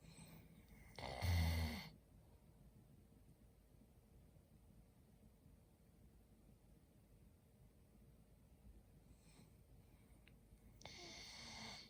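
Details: Snoring in a sleeping Labrador Retriever puppy: two short, rough, noisy breaths about ten seconds apart, with quiet room hush in between.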